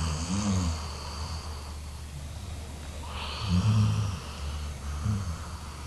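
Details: Brindle Labrador dog snoring: low rumbling, rattling breath noises repeating over a steady hiss.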